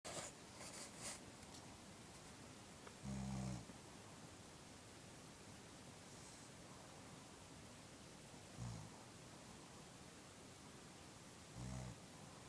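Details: Adult woman (wife) snoring during sleep: faint, low rumbling snores every few seconds beneath steady room hiss.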